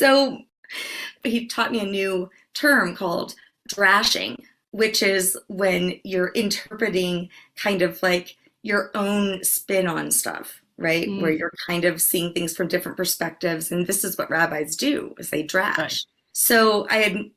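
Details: Adult woman speaking; normal voice.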